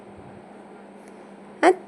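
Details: A quiet room hum, then one brief, sharp burst near the end from a 3-month-old baby boy at midnight: a single small infant sneeze.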